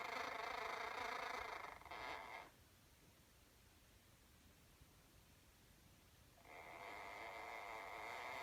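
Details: High, raspy, whirring snoring breath sounds from a sleeping conure, a small parrot, with a quiet pause between bursts.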